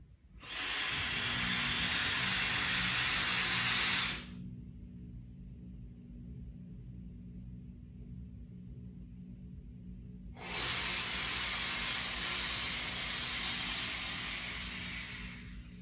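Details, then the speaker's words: 4-7-8 diaphragmatic breathing through an inspiratory muscle trainer: long hissing breath drawn in for about four seconds, a quiet breath-hold of about six to seven seconds, then a long hissing breath out. "where you inhale for a count of four seconds hold your breath for seven seconds and then exhale for a count of eight seconds"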